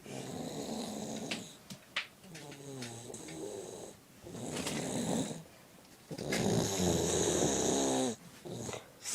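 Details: Loud rasping snoring on each breath alternating with quieter breathing, from a sleeping 8-year-old child: snoring.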